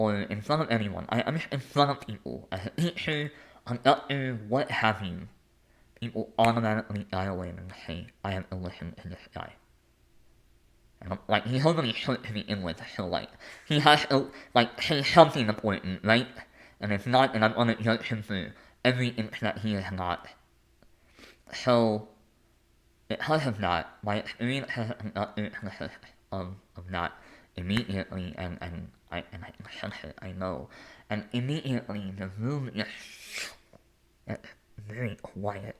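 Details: Lifelong speech impediment with disfluent speech in an adult male.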